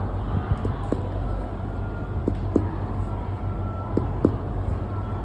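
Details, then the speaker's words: Spleen percussion from the sixth intercostal space, midclavicular line, downward: six short taps in pairs giving a hollow tympanic note, normal; a dull note would suggest splenomegaly. "Timpani. Nah, jika ada suara redup atau tumpul dicuragai ada pembesaran limpa."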